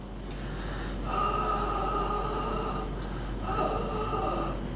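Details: Two soft, drawn-out breath sounds imitated by mouth during a clinical chest examination teaching session, demonstrating vesicular breathing with prolonged expiration; quiet room.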